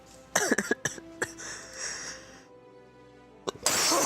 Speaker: That was my throat. No, that's what happens when I cough that hard. I sound like that.